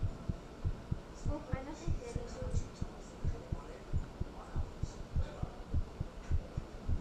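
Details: Heartbeat recorded after talking with someone and then thinking about them: low thudding beats at about 100 a minute under a steady room hum and noise.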